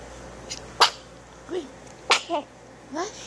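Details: Cat sneezing twice, each a sharp explosive burst, with brief soft voices in between.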